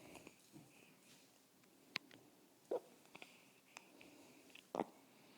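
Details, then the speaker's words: Baby with hiccups: a few faint, brief sharp catches every couple of seconds in a quiet room; infant hiccups. "oh poor baby no more hiccups oh no you still have a I'm smiling yeah bless you"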